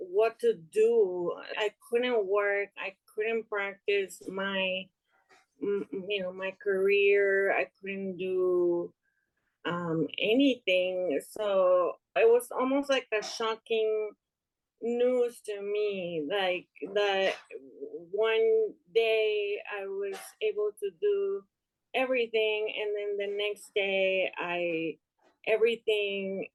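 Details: Aphasia in a young adult woman after an ischemic stroke in March 2020 that left her unable to speak and affected her right side; she is still recovering and reports word-finding difficulty, heard in conversational speech.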